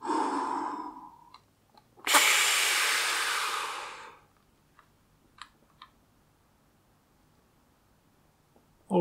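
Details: Pulmonologist demonstrating a Seretide DISKUS dry powder inhaler (demonstrator device): full exhalation, sharp forceful deep breath in about two seconds, then quiet breath-holding; correct dry powder inhaler technique.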